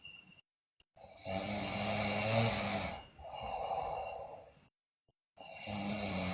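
Two long, loud rattling breaths separated by silent gaps, with a steady hiss in the background; snoring during sleep.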